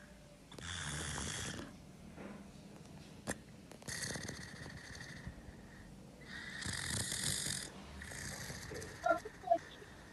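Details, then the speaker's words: Patient with a tracheostomy: rough, rattling snore-like breaths with wet gurgling from secretions trapped in the throat that need removing; noisy tracheostomy breathing from retained secretions. "vocês escutaram o barulho que tá fazendo a traqueostomia esse barulho é a secreção que tá lá presa na garganta do paciente e precisa ser retirada"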